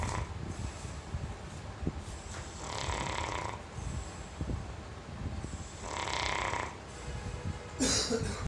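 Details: Pet dog snoring while asleep, described as snoring like men: two rasping inhaled snores about three seconds apart over steady room noise.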